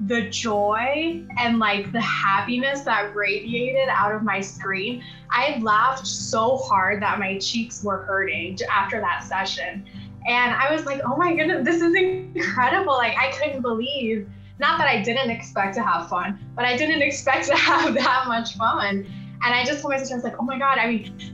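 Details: Adult woman speaking; no disorder.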